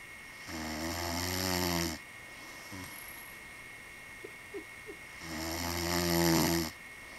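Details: Ordinary snoring: two long, loud, rattling snores on inhalation, separated by quiet exhalation.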